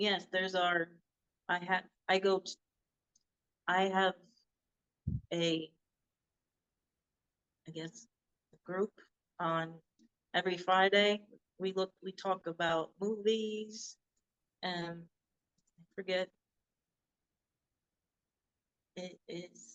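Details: Adult woman with aphasia after a hemorrhagic stroke in 2018, unable to talk for 2 years, initially Broca's type; speech still worsens after recurring seizures; non-fluent (Broca's) aphasia.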